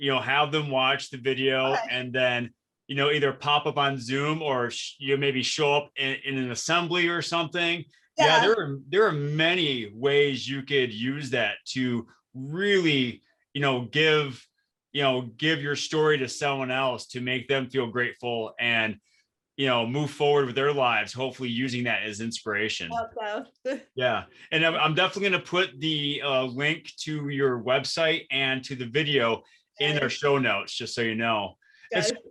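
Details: Adult male speaker; normal conversational speech.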